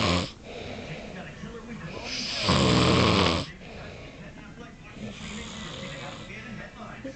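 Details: Man snoring during sleep: one loud, rasping snore stands out over background talk and noise.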